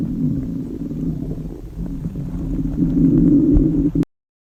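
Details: Girl on a restrictive diet, very hungry: a long, loud, low growl with a rising drone that stops abruptly; hunger stomach growling (borborygmi).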